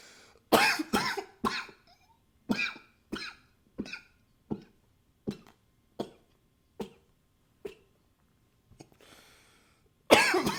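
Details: A run of about fourteen short, sharp coughs fading in strength, with a nose blow near the end, recorded with a high-fidelity microphone; cough.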